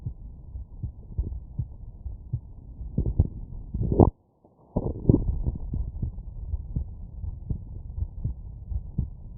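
Regular low thumping heartbeats through a stethoscope, with a brief dropout; normal heart sounds.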